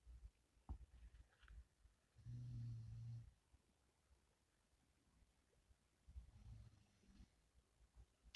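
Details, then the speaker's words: Pet dog back asleep for a morning nap, heard in the background: faint low rumbling snores, about two breaths spaced four seconds apart, in a quiet room. "can hear snoring in the background that's my dog he's just gone back for his uh morning nap"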